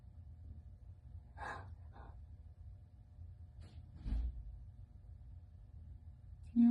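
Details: Respiratory distress: short, harsh gasping breaths over a low room hum from a one-year-old Shepherd/Boxer mix, earlier hit by a car, with oxygen saturation 87%, treated in an oxygen chamber.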